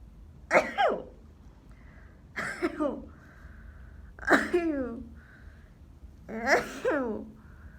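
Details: Student: sore throat, runny nose, headache, stomachache, nosebleed, fever 38.6°C, at the school nurse's office; four separate harsh cough bursts, each with a voiced tail, in a quiet room.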